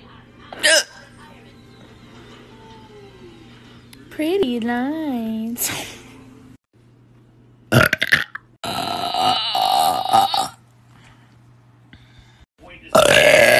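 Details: Several loud, drawn-out burps with a tonal, croaking quality, separated by quiet gaps, with faint background music: belching, from a compilation of loud burps and drunk hiccups.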